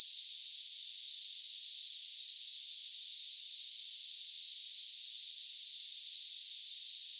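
Steady, unbroken high-pitched hiss like cicadas, a simulated sample of the hissing type of tinnitus.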